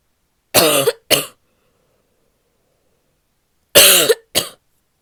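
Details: A female has a barky coughing fit: four harsh, voiced coughs in two quick pairs with a hoarse, barking quality.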